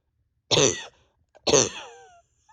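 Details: Adult awake over 32 hours, bronchodilator not helping, exhausted with crying spells: two harsh, forceful coughs, the second trailing into a strained, wheezy tail, with pain deep in the chest and stomach; cough.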